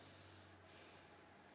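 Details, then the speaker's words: Single deep, airy normal breath taken by patient on request during a student's practice physical exam, posterior chest auscultation of back breath sounds, with steady low room hum. "So please take a deep breath for me."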